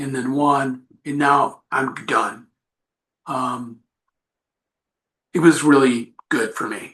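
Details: Adult man with aphasia after an accident. He says recovery is a long road but he is getting much better. Finding: aphasia.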